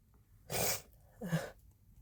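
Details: Harsh sneezes after first-time use of chhinkni (sneezing powder), nose also prompted with a rolled-up napkin, some stifled attempts: two forceful explosive sneezes in quick succession.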